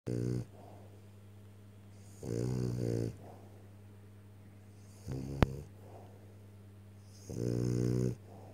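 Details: French bulldog snoring: four loud, buzzing snores at regular intervals, about seven breaths a minute, over a steady low room hum.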